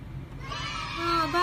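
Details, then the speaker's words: A young child gives a brief, rising, tonal wail as she starts to cry, over background room noise; ordinary infant crying. "Bakit? Bakit naiyak yan? Bakit naiyak yan?"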